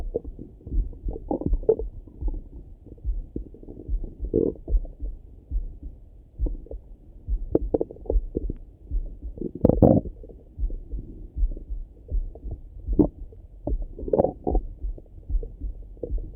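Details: Frequent low gurgles and bubbling rumbles with a few louder bursts, heard through a stethoscope over the stomach in the morning; active ordinary bowel sounds.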